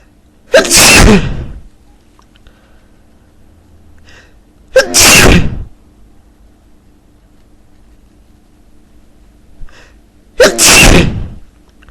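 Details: Three loud, forceful sneezes, each with a sharp burst and brief trailing breath, spaced several seconds apart in a quiet room; powerful sneezing.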